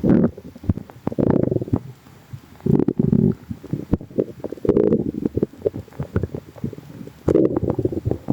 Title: noisy tummy | stomach rumbling